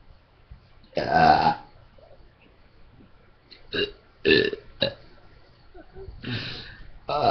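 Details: Burp contest: several loud, drawn-out burps of varying length, with quiet talk in the background; belching.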